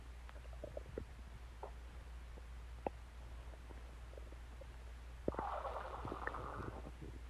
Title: Stomach Growling Sounds